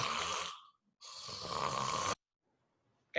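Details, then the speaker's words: Adult imitates obstructive snoring, where the tongue base blocks airflow from the nose: two harsh, rasping snore-like bursts with a silent pause between; simulated obstructive snoring. "kalau orang ngorok saluran nafasnya itu tersumbat seperti ini kalau bisa lihat kursor supaya ya jadi aliran udara dari hidung masuk tersumbat nih ini pangkal lidah sehingga tidak ada aliran udara yang bisa masuk"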